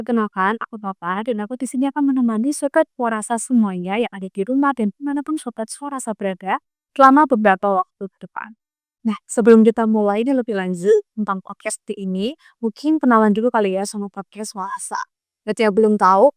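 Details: Adult speaker, podcast host; normal speech.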